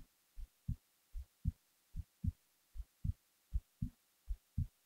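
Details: Normal heartbeat recorded while falling asleep: steady low thumps at about 78 beats a minute with paired first and second heart sounds.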